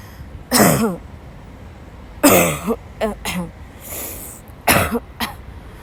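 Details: Young woman who woke up sick, in a violent coughing fit in the middle of class: several harsh, forceful coughs in quick bursts with short gasping breaths between them; a dry coughing fit.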